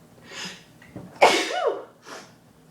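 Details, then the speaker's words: Sneeze induced by sniffing pepper during a challenge to sneeze with eyes open: quick in-breath, then one loud, explosive voiced sneeze with a short exhale afterward, described as sounding like a man. "oh god i did it oh my god it's so awesome oh i sound like a man when i sneeze"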